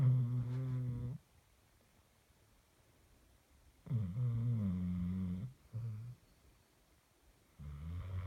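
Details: A sleeping dog snores for two minutes, posted as an April Fools thing: low, rumbling snores several seconds apart with quiet gaps between breaths; snoring.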